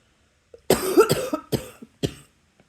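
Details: Three to four harsh, forceful coughs in a row with brief quiet gaps between bursts; a run of repeated coughing.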